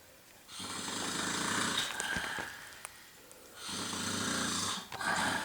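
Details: Loud snoring recorded on a Sony handicam: two long, loud, rattling breaths about three seconds apart, with a quieter gap between.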